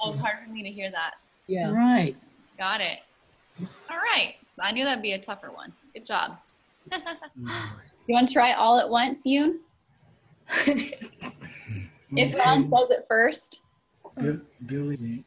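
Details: Adult woman speaking; Normal adult speech.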